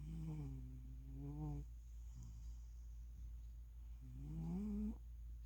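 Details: Cat named Chowder snoring loudly during a nap.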